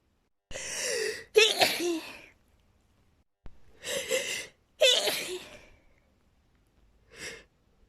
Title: lots of girly sneezes